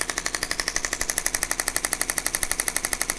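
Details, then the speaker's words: Rapid, steady shockwave therapy pulses, about 240 per minute, at setting 2.1. A chiropractor is treating a man with bilateral plantar fasciitis, starting at the calf and posterior tibialis; the intensity is to be raised in later sessions. "The next time I treat him, I should be able to go a little bit higher. And then after that, we can go higher and higher and higher, stronger with the shock wave to where normal running won't cause any pain because it's going to be so used to being just thrown around and beat up."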